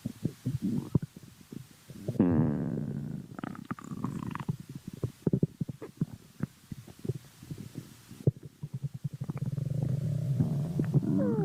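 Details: Low, irregular gurgles and rumbling swells with bubbly pops, loud stomach growling from gas and fluid moving through the gut; borborygmi.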